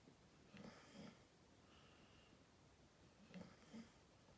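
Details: Soft snorting snores from a sleeping Staffordshire terrier, two paired breaths with a quiet pause between, over faint room hiss; snoring.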